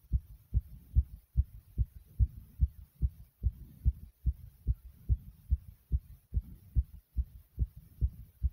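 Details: Own heartbeat after a couple of different exercises: loud, rapid, regular low thumps at roughly 145 a minute; fast heartbeat, a normal response to exertion.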